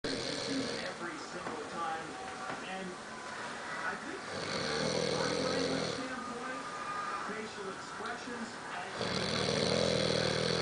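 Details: Loud, rough, rattling adult male snoring recurring with each inhalation, about 13 per minute, quieter breathing between; heavy snoring.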